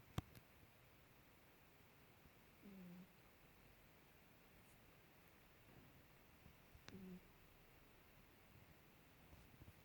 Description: Skittles my half ragdoll 3 yr old female cat is snoring.